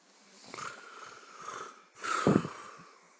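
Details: Snoring during sleep, loud enough to keep a bed partner awake: two noisy breaths with a whistling tone and a brief snorting rattle.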